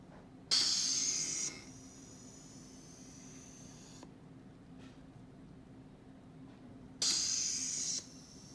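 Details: Eurus low-cost emergency COVID-19 ventilator: a manual resuscitator bag squeezed by a blood-pressure cuff, driven by compressed wall air, giving automated ventilation; two loud hissing air rushes over a steady low hum; ventilator cycling.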